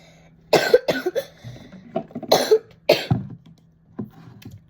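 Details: Person of school age with a cold, tired after lying in bed all day and feeling unwell: four loose, harsh coughs in two pairs over a steady low room hum; cough during illness.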